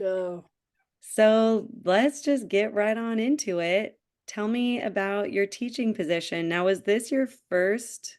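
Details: Adult woman; typical speech.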